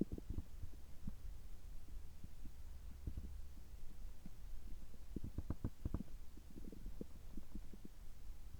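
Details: Abdominal sounds recorded right after a health-checkup gastroscopy, which found no problems: soft, irregular gurgles and low rumbles under a steady hiss; ordinary bowel sounds.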